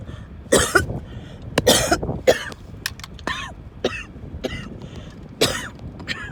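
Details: Coughing fit in the car, with coughing, wheezing and choking: about ten harsh coughs and throat-clearing bursts in rapid succession, strained gasps between them, over low car noise.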